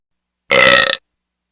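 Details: Hyena burping: one loud, half-second voiced belch with a rough, bubbling quality.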